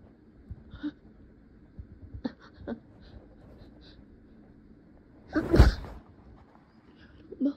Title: Trying to Hold Back and Stifle Sneezes While Hiding